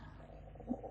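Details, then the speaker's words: An adult's stomach gurgling is heard during a spoken tarot reading, which the speaker points out: a low, soft rumble with a brief gurgle near the end, audible bowel sounds. "So, I don't know if you can hear my stomach gurgling."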